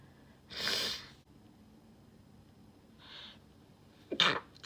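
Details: Two forceful sneezes, each a sharp explosive burst of air with a softer breath between; strong sneezes.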